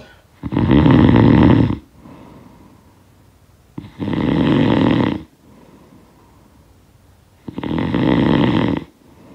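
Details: Snoring sound effect of a sleeper: loud, regular rattling snores on each breath in, about seventeen a minute, with quiet breaths out; heavy snoring.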